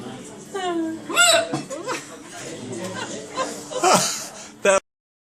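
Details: Person hiccupping discreetly: a few abrupt voiced gulping catches among laughter and talking; hiccups.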